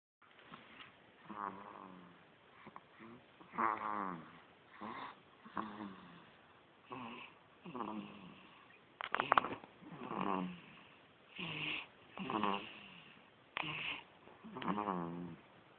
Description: My baby can snore just as load as his dad..